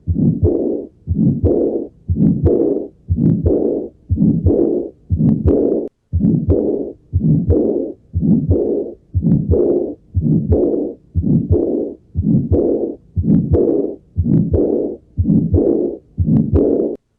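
Regular heartbeats at about 59 a minute, each followed by a soft blowing murmur; a diastolic murmur of pulmonary regurgitation.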